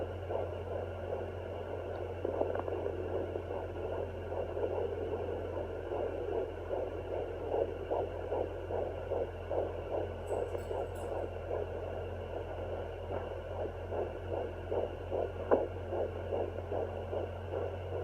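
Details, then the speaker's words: Rapid, rhythmic whooshing fetal heartbeat over a steady low hum, found with a home Doppler in first-trimester pregnancy (subchorionic hematoma noted). Fetal heartbeat on Doppler. "And I was able to hear the baby's heartbeat at 10 weeks, 3 days. It can be hard to find the baby's heartbeat early in a pregnancy, and it took some time."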